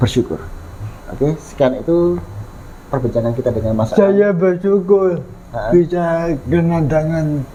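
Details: Adult speaker; typical speech.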